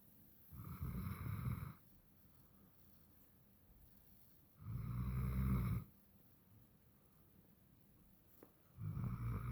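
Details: Sleeping puppy: three low, rattling snores about every four seconds, roughly 16 a minute, with quiet pauses between them in a small room; snoring.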